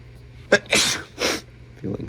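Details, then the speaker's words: Adult with a head cold, tickly nose and throat sore from sneezing: a sharp inhaled catch followed by two forceful, explosive sneezes. "My throat is starting to feel really sore from sneezing, actually."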